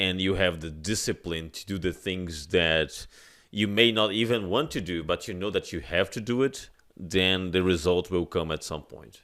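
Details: Adult male speaker; normal speech.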